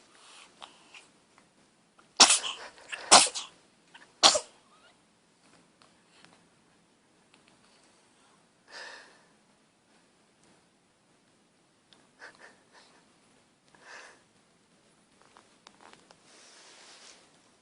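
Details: Baby sneezing: three sharp sneezes close together, followed by soft breathy sounds and small noises; ordinary sneezing.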